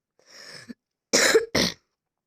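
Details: Cough from a person who says they have fallen ill and apologizes for coughing during game commentary: a short breathy throat noise, then two loud, harsh coughs close together.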